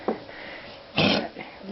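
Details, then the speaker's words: Foster dog's gagging cough after waking from a nap and going outside, nothing brought up, coughing 6-8 times per bout with scratching: one harsh gagging burst with faint hacks before and after. "went downstairs went outside came back upstairs still coughing and it is scratching a lot"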